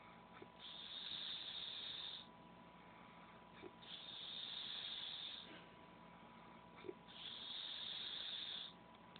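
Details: Snoring in a sleeping man, recorded on an Android phone: three long, hissing breath noises about 1.5 seconds each, repeating roughly every 3 seconds with quieter gaps.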